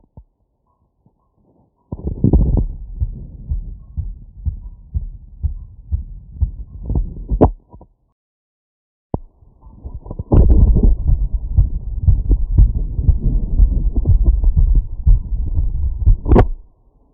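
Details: Wireless stethoscope, all membrane and funnel modes, over the valve areas and Erb's point while standing slightly tilted, after a 3 km run at 150 bpm. Rapid, deep thumps: sinus tachycardia, normal heart sounds.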